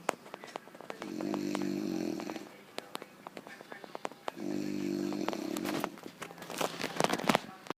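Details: Two loud, rattling snores a few seconds apart, with sharp clicks and handling noise between them.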